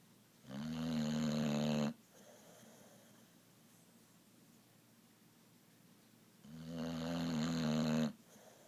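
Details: Boxer dog snoring loudly in a quiet room: two long, loud rattling snores on breathing in, with quiet gaps between.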